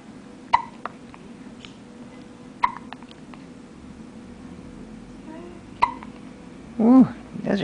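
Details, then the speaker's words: Newborn girl on the day of her birth, quiet room: three sharp, short hiccup clicks a few seconds apart, then a brief newborn squeak; newborn hiccups. "here we go we got the hiccups"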